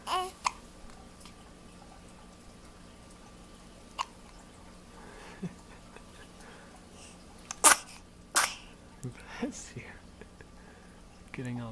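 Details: Baby girl, awake: a few short, sharp hiccup sounds and two louder sneeze bursts in a quiet room; ordinary infant hiccups and sneezing.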